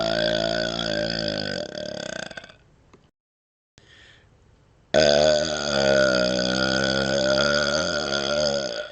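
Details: Two long, loud, voiced belches with a short quiet gap, while wiggling and licking the tongue outside the mouth: prolonged burping.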